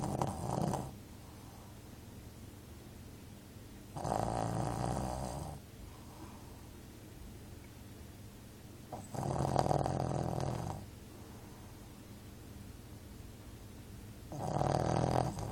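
Loud rattling snores recur about every five seconds, roughly 12 breaths a minute, with quiet exhalations between; snoring in a small dog.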